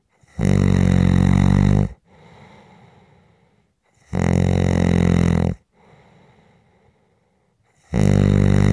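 Loud, deep, rattling snores on each breath in, with quiet breaths out between, about 16 breaths a minute.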